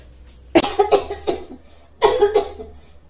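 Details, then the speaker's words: Child's persistent dry cough at night that will not stop, while her mother prepares a home remedy. "बहुत खांसी हो रही है मामा देखो रुक ही नहीं रही है"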